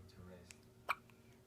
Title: Hiccups at 8 days old